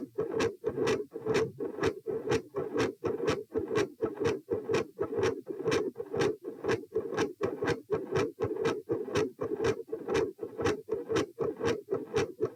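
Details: Heart sounds recorded at position p during sitting to standing: a consistently loud S2, a variable S1 and episodes of murmur.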